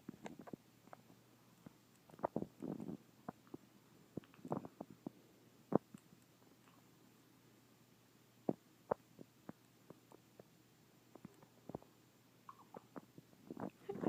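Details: Three-day-old newborn named AJ with hiccups: scattered soft clicks and small bursts at an irregular, faint rhythm in a quiet room; parent suspects he may be getting hungry.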